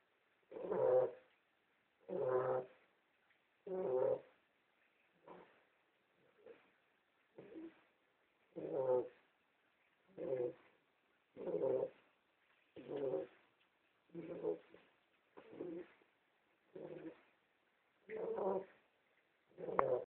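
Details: Beagle dog snoring while asleep in the kitchen: repeated tonal, buzzing snores, about 43 a minute, in a quiet room.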